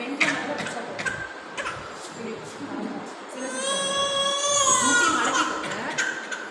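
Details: Young child crying during a therapy session: loud crying with a long wailing sob between broken cries, room with background noise.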